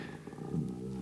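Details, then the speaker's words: Adult's stomach rumbling, a low gurgling growl of about a second, despite having eaten enough. "hört ihr das ist mein Bauch wieso habe ich denn so ein Magenknurren doch genug gegessen"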